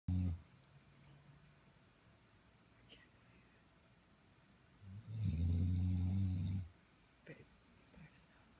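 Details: Year-and-a-half-old, 103-pound English Blockhead Labrador asleep: deep rumbling snore with a long quiet pause between loud snoring breaths; snoring.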